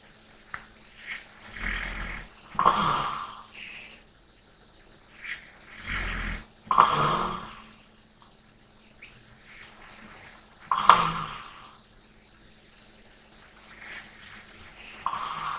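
Soft, irregular snores and breaths during sleep, about 15 a minute, some with a rattling edge; quiet room.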